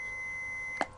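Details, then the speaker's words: A steady high electronic tone ending in a brief sharp burst from a Revive automated external defibrillator after shock advised and orange button pressed; AED shock delivery tone. "shock delivered"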